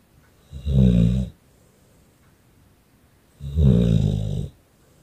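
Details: Staffordshire bull terrier snoring: two loud, low, rattling snores about three seconds apart, each under a second, with quiet between; ordinary dog snoring.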